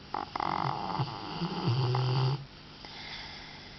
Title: snoring rottweiler